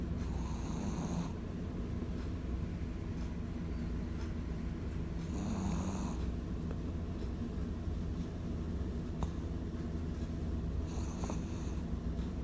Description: Pipoy the shih tzu snoring loudly while he sleeps on the bed.